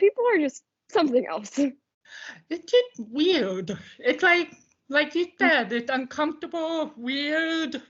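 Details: Deaf speech of an adult woman from the deaf community.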